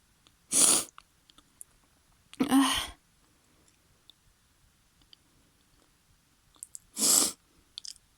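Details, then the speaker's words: Three sharp sneezes in about eight seconds, separated by quiet sniffing and breathing, from a woman in an acted scenario whose very sensitive, tickly nose is tickled with a feather. "You want to tickle my nose with it? Why? You enjoy letting people sneeze? Why? Oh, please. Go away with that. My nose is very tickly."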